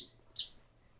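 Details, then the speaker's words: Bird sneeze from a small pet bird in the background, recorded on a lavalier microphone: a single brief, sharp high-pitched burst over quiet room noise. "my bird is sneezing can you hear that that's that's an issue with microphones some microphones would pick that up a sound in the background and others wouldn't right"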